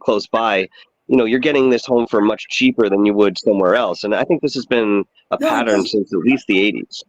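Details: Adult man speaking; normal voice.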